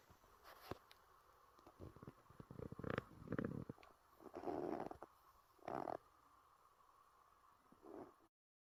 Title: Bagheera Beans & Kitten Snoring 🐈‍⬛️🐾 #cat #kitten #shorts